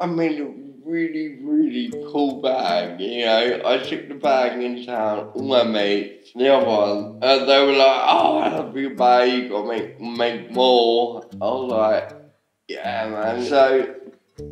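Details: Adult man with ataxia, a rare degenerative cerebellar disease affecting speech, muscle control, walking and swallowing; now uses a wheelchair; slurred speech often mistaken for drunkenness: ataxic dysarthria.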